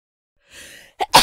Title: Human Sounds » Sneeze Female